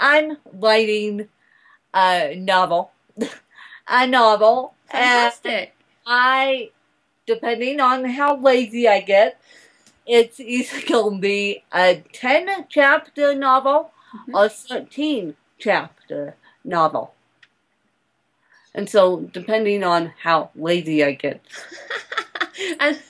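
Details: Adult woman born in 1987 with cerebral palsy from a birth injury, usually lack of oxygen; she reports a slight speech impediment that has improved over the years; the finding is dysarthria due to cerebral palsy.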